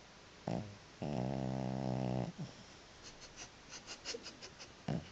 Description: This is my cat Murdoch snoring. He was louder than the TV.